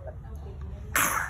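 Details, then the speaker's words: Two abrupt, harsh coughs from a toddler, a persistent choking cough as food enters the airway while swallowing, suggesting aspiration; causes include swallowing disorder, laryngeal cleft and tracheoesophageal fistula. "chúng tôi ở đây chỉ đề cập đến Ho sạc do thức ăn chào trực tiếp vào đường thở ngay khi nuốt và dai dẳng"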